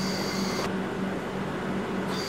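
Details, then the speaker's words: Bird pressure-cycled ventilator on a simulated test lung, compliance reduced from 0.05: the inspiratory ventilator sound becomes shorter, indicating reduced tidal volume at constant pressure limit from lowered lung compliance. "สังเกตว่าเมื่อคลดลงเสียงของเบดจะเปลี่ยนแปลงโดยสั้นลงนั่นหมายถึงว่าถังน้ำมีขนาดเล็กลงเนื่องจากเราเปิดก๊อกเท่าเดิมมันเต็มเร็วขึ้นหมายถึงว่าtalvolumลดลง"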